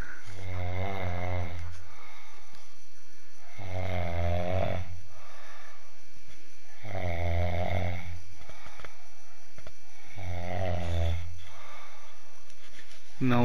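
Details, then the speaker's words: Man sleeping: loud, deep rattling snores about every three seconds, roughly 18 a minute, each on the in-breath with quiet between; heavy snoring. "Take the mic close to हि knows नाक के पास लेके जा हम सुनेंगे उसके खतरनाक खराटे m"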